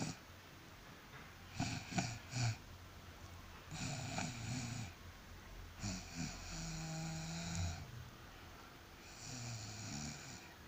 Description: I do not know, but my snoring is very strange to me.